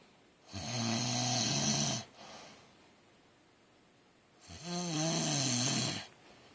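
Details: Sleeping adult husband: two loud, rough, vibrating breaths about four seconds apart, quieter breathing between; heavy snoring.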